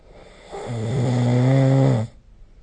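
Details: Snoring during sleep recorded with the SnoreLab app: one loud, low, droning snore lasting about a second and a half, then quiet.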